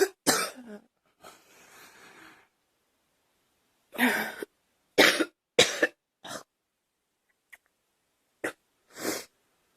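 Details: Girl coughing: acted series of short, sharp dry coughs in small clusters with breathy inhalations between, about eight coughs.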